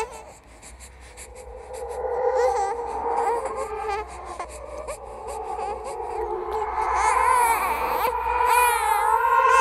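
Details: Horror "ghost baby" sound effect, not a real recording: wailing, rising and falling infant-like cries, simulating infant crying.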